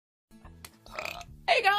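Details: Girl burping: a short, low, rumbling voiced belch followed by a louder throaty burst.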